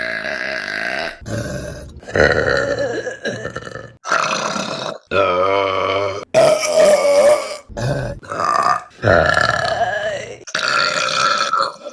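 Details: A run of about ten loud, long, rumbling belches, some drawn out over a second, with short gaps between, from a compilation of burps from August 2022; repeated burping.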